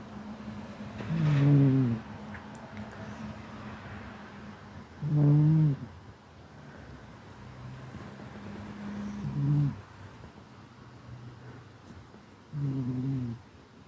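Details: Regular groaning, snore-like breaths, about 15 a minute, over a faint steady room hum. Snoring.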